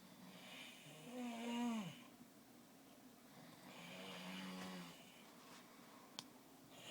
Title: Snore Fest